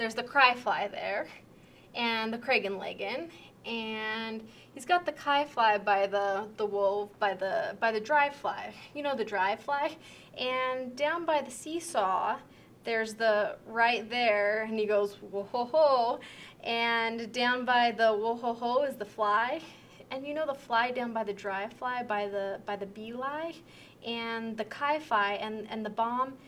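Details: Severe Wernicke's aphasia, an acquired language disorder, with impaired comprehension; the person mixes real words, made-up words, mixed-up sounds and unrelated words while describing a picture. Wernicke's aphasia.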